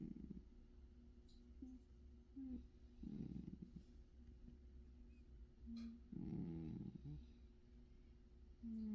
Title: 😴cat snores